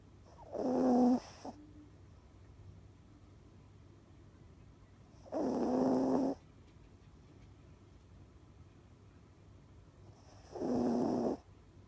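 Rough snoring on each breath in, about 12 breaths a minute, with quiet pauses between; ordinary snoring in a sleeping dog.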